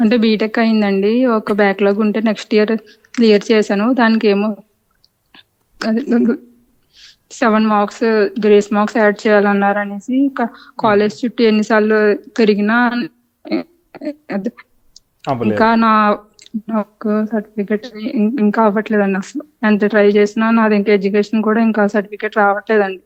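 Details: Stammering in a woman born in 1997, who says she has difficulty speaking continuously for a long time.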